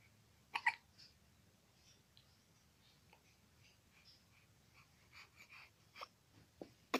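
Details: A few brief, abrupt catches in a baby's breathing among soft breaths and small sounds, baby seeming uncomfortable and fussy; infant hiccups.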